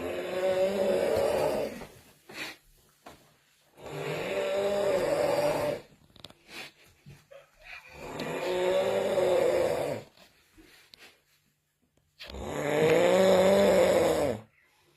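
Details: Nephew sleeping with loud, rough snores about two seconds long, repeating roughly every four seconds with quiet gaps; ordinary heavy snoring.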